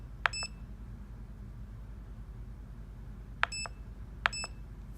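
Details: Sharp double electronic beeps at irregular intervals in a quiet room from a CADD PCA 5800 / CADD Plus 5400 infusion pump, high-pressure error alarm, pump malfunctioning and not registering dose button presses: infusion pump alarm.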